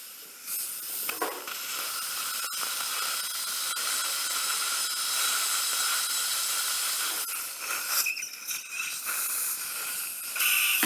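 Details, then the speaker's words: Middle-aged female, upper right sinus lateral-window approach with simultaneous implant placement, possibly 2–3 mm residual bone: a continuous high-pitched hissing whine with dips and surges as a surgical bur grinds bone at the sinus septum base. "I think the more grinding the septum base area. More grinding."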